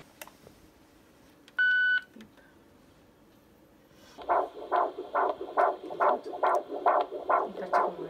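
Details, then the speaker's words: Normal fetal heartbeat heard on Doppler at a midwife prenatal check-up: rapid, regular whooshing pulses at about 140 per minute, with everything reported as progressing well. "Nou we moesten op controle voor de baby het hartje gehoord altijd fijn om te horen en alles gaat heel voorspoedig"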